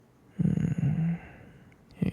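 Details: Male ASMR roleplay with a pregnancy theme: a single deep, rumbling, fluttering breath sound followed by a quieter breath; a snore.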